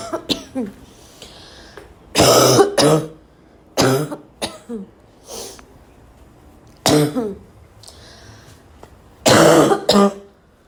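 Repeated harsh, dry cough bursts, four strong and several softer, with short quiet gaps between them, fitting a barking cough.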